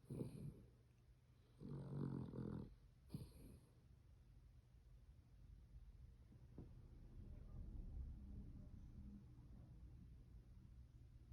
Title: Snoring dog